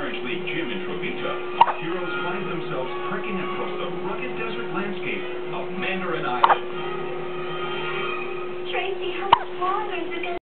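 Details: Little girl hiccuping after eating: three sharp, abrupt hiccups at irregular intervals over about ten seconds, with television talk and music in the background.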